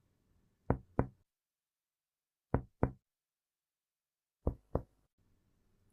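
Three pairs of finger-percussion taps over the back of the chest, each with a hollow, resonant note: normal resonance of the underlying lung.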